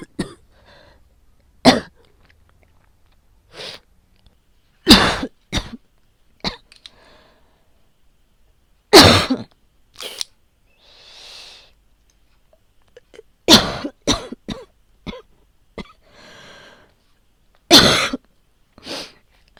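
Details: Mix of past recordings of a woman coughing during asthma and COVID-19 infection: about a dozen short, sharp coughs, singly and in small clusters, with breathy inhalations between them in a quiet room.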